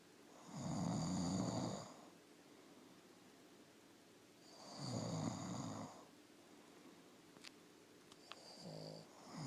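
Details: Man and his Boston terrier napping together in a snoring contest: two loud, rattling snores on the in-breath about four seconds apart, then a softer, higher snore.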